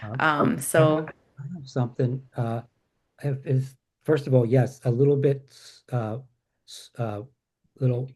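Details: Aphasia after a stroke in a male support-group member who reports difficulty expressing himself since the stroke; hesitations and repetitions heard.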